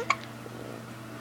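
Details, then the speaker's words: Infant who repeatedly makes a squeaking breath noise the parent fears is suffocating, since days old: a single brief, sharp squeaky catch of breath, now hiccuping. "Now she's got hiccups."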